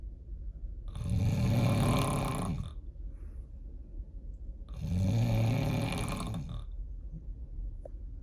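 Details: Heavy snoring likened to a diesel truck: two long, loud, rumbling snores on inhalation, about 16 a minute, with quiet gaps between.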